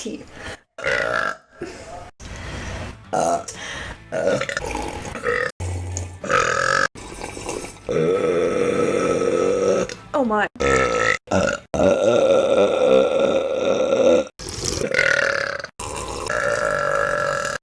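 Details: A series of long, loud, drawn-out burps, one after another, with brief cuts between them; burping compilation.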